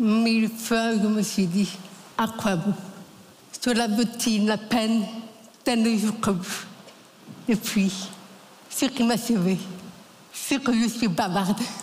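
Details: French-speaking adult woman, deaf since diagnosis at nine months, who learned to speak through 20 years of speech therapy three times weekly and has never heard her own voice: Deaf speech (congenital deafness).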